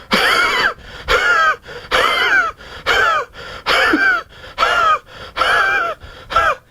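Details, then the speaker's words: A clinician imitates repeated harsh, rasping, completely dry coughs with no rattle, like a saw through a pine board. This is the Spongia cough, said to improve with warm drinks. "And spongia, remember my friends, is a very dry cough. So the cough of spongia is like a saw being driven through a pine board."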